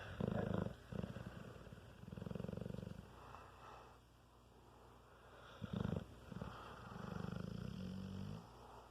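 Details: Sleeping dog with human-like snoring: slow, low, fluttering rumbles, about three in nine seconds, on both inhalation and exhalation; snoring.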